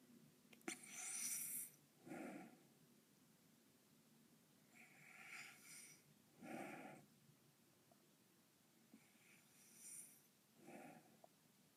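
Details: Adult woman (a mother) asleep with curlers, dog nearby: slow, rough, fluttering snores on each breath, about 14 a minute, in a quiet room; snoring.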